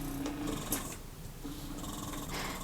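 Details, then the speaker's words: Two electric breast pumps (Motif Luna at cycle 30, Spectra at cycle 38, vacuum level 1) running in expression phase at lowest settings: low motor hum with slow, rhythmic suction pulses and a brief click. "i have both pumps set up now on the expression phase at the lowest settings so on the motif you can actually go all the way down to cycle 30 which is a slower suction pattern and on the spectra the lowest cycle is 38."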